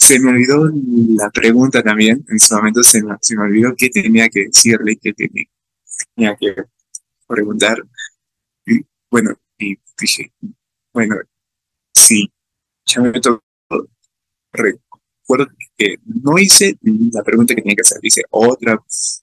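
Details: Stuttering in an adult man speaking Spanish, with fear of stuttering when participating in class.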